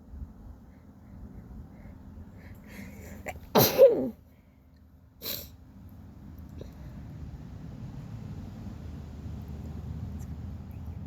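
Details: Sneezing outdoors on a sunny day in rural Australia, tagged with a cold and sniffles: one loud, sharp sneeze with a quick intake and burst, then a smaller second sneeze, over steady outdoor noise.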